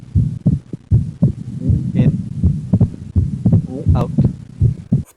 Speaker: Split second heart sound in right bundle branch block in out in in